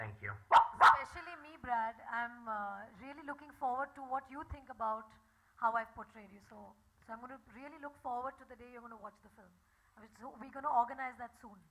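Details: Adult female speaker; Plain speech.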